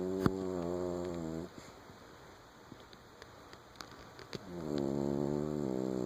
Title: Bugsy snoring